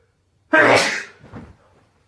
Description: Sneezing myself to sleep